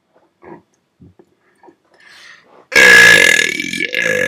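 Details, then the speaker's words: Person burping at about 5 a.m., first time in a while: a few faint sounds, then one loud, long, rumbling belch lasting over a second; an ordinary burp. "It's like 5:03 in the morning, and I'm belching. Hopefully, I don't wake my parents up."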